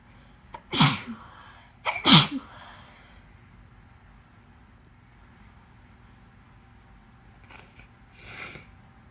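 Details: Woman with pneumonia who is three and a half months pregnant sneezing with some coughing: two sharp sneezes close together, then two fainter breathy bursts after a pause; sneezing.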